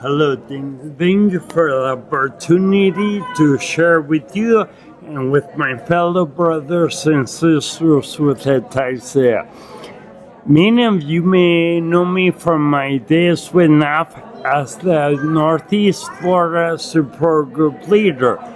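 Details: Adult man with non-progressive acquired ataxia and myoclonus (Lance-Adams syndrome) after severe brain damage from Legionnaires' pneumonia and a 12-day induced coma in 2011; reports difficulty speaking and articulating and getting winded when speaking; ataxic dysarthria.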